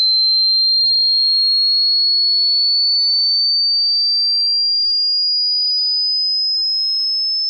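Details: Simulated tinnitus: a steady, high-pitched pure tone, rising very slightly in pitch, imitating ringing in the ears.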